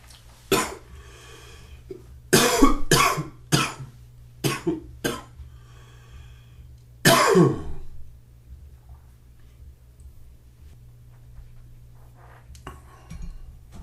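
Several harsh, loose coughs in short bursts with a throat clear, then quiet breathing and sniffing; morning cough.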